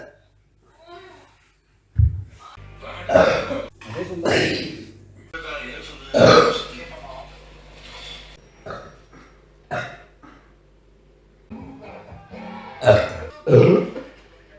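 Several loud, low, drawn-out voiced belches with quieter sounds between them in a small room. Repeated burping.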